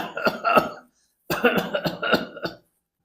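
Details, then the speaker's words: A doctor imitates multiple small, repeated, shallow bouts of cough, as in pneumonia or pulmonary fibrosis where pain prevents a deep breath; also called classical for pulmonary oedema. "तो उसमें क्या multiple small और repeated bouts ऑ ी कफ इसको बोलते हैं इसको हम डिमेट ऐसे करेंगे"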